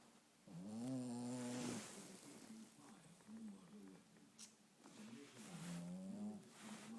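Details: Tired puppy asleep; uneven, whining, groaning noises during sleep breathing, with some softer snorting sounds; snoring.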